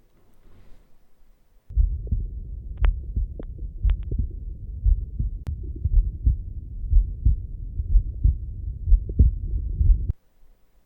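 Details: Normal heart sounds via Eko digital stethoscope, Gen 1, placed in a protective bag for infectious patients, with and without gel: low, muffled beats about 60 a minute with rustling clicks.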